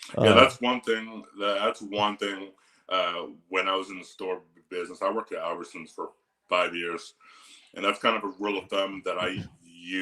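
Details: Adult man speaking; Normal conversational speech.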